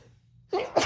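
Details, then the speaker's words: Adult female in her car after a massage with menthol lotion: quiet lead-in, then a sudden forceful burst of breath and voice; a single sneeze within a sneezing fit, feeling stuffy after the menthol. "Um but I don't know, something about that menthol just immediately made me all stuffy and sneezy. I know. I still feel it. Sorry. Since I'm in my car, I keep sneezing into my elbow instinctually."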